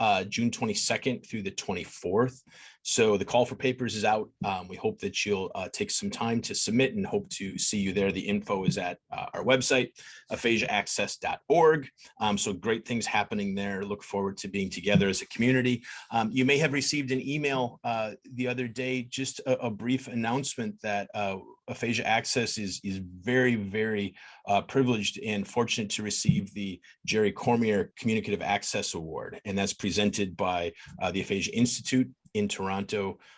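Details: Adult male speaker; typical speech.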